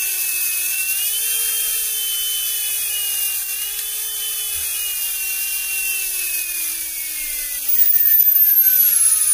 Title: Dental Handpiece Electric Generator Part 1 2